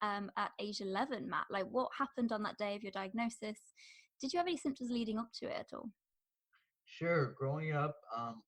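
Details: Adult speaker, possibly with a brief second voice answering; typical speech.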